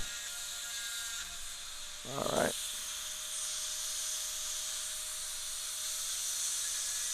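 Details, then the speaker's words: Dental high-speed handpiece: steady whine with a brief louder grinding burst as the bur cuts, dropping the mesial box in a Class II MOD preparation on tooth 29, a mandibular second premolar; bench teaching demo. "I'm just gonna come through and break through on that just to the diameter of the burr there we go"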